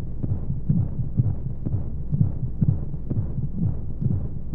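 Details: Womb-sound baby sleep aid with white noise: muffled, steady low heartbeat thumps, about 125 a minute, under a deep hum, like a heartbeat heard from inside the womb.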